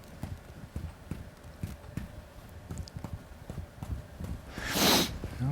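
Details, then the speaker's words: Chest examination demonstration of direct percussion, fingertips striking the chest wall directly: soft repeated dull taps, then a brief rustle. "direct percussion so direct percussion is when you strike the chest wall directly you can do that just with your fingertips"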